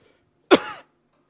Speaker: i'm so sick and i got this cough